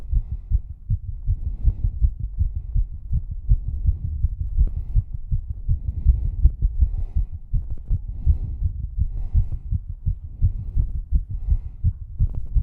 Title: Struggling Female Exercise Heartbeat (w/heavy breathing + 1k special!)